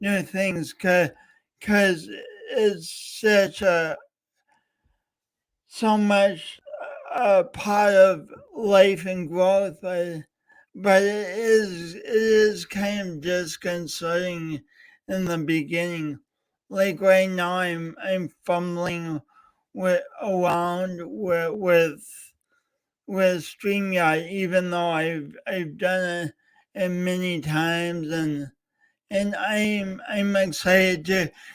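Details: Real stuttering with word repetitions in a male speaker, heard during a three-hour live talk-a-thon marking speech impediment day.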